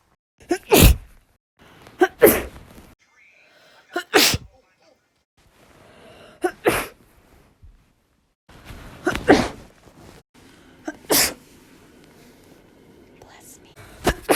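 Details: Person with allergies giving a series of about eight sharp, explosive sneezes separated by short pauses; repeated sneezing compilation.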